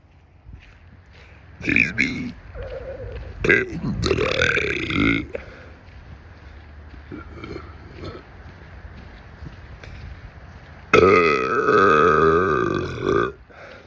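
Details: Man walking outdoors on a nature trail making several loud, drawn-out, rumbling belches, with faint talk between them; burping.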